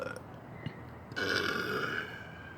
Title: Burping with my baby in the dark lol